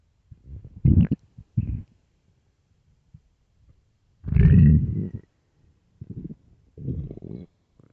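Irregular low gurgling rumbles, several in a few seconds, one long and loud: ordinary stomach growling from a hungry gut.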